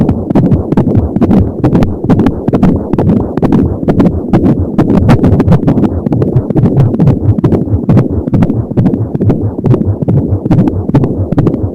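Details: Pregnancy at 28 weeks, first listen with an Angel Sound fetal Doppler: rapid, regular galloping beats at 170 per minute over a whooshing swirl identified as umbilical cord sound; fetal heart sounds on Doppler.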